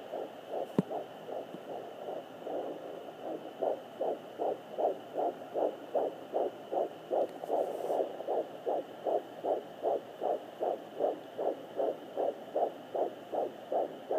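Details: Normal fetal heartbeat on fetal Doppler: rapid, regular whooshing beats at about 154 a minute, while a pet pug listens.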